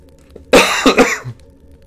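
A short burst of two or three harsh coughs with a throat-clearing quality, over quiet game sound in the background.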